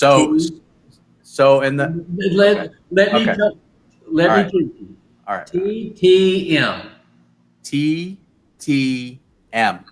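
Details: Adult male speaker; aphasia.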